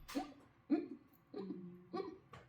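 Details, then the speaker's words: Adult imitation of newborn expiratory grunting: short, soft voiced grunts about every 0.6 seconds, described among signs of meconium aspiration with prolonged tachypnea, retractions, cyanosis; grunting not always noticeable. "that's kind of what it sounds like when a baby's grunting. Um so it's not super it's not always super noticeable when a baby's grunting."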